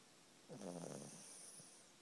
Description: My cute puppy heidi snoring